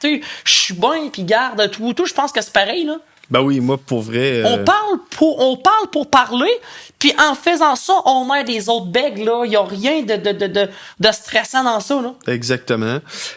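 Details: Adult man who stutters and uses his own techniques to control it; stuttering.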